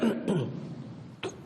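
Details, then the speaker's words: Public figure, adult woman and Federation Council speaker, coughs during a press statement after a Security Council meeting: two quick rough throat-clearing coughs, then a softer third. "слегка закашлялась но не растерялась помогло и чувство юмора"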